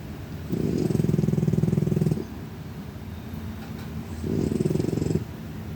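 Two long, rhythmic fluttering low rumbles on breathing, about two seconds apart, a cat's snore or purr-like breathing sound.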